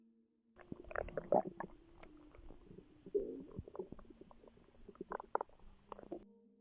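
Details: Bowel sounds in a pregnant woman, relaxing before contractions began: irregular gurgling and bubbling rumbles from the abdomen as gas and fluid move through the gut.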